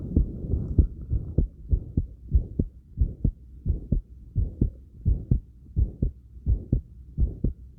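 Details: Heartbeat recorded after light crunches: strong and regular at about 85 beats a minute, with breathing and some movement noise; heartbeat after light exercise.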